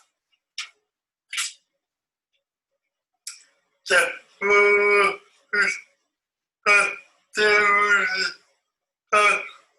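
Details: Man who had a stroke at age 30, about two years post-stroke, with rigid, tight speech musculature, reading the Rainbow Passage; spastic dysarthria.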